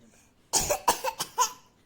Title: #உடனடியாக தீர்வு #cold and cough #shorts